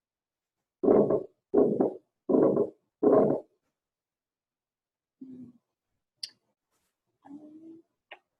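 Four loud, harsh whooshing heart sounds at about 82 a minute: a ventricular septal defect murmur, blood crossing a hole between ventricles.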